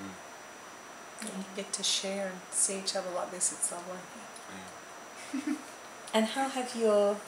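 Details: Adult speaker; ordinary speech.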